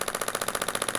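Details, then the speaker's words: Rapid, evenly spaced hammering pulses like a small jackhammer, about fifteen per second, from a radial shockwave device on calf trigger points of a woman with plantar fasciitis for over 3 years, at a repeat session. "so that ratcheting sound or the jackhammering sound is that bullet hitting the end of the the tool and then sending that that shock wave into the tissue"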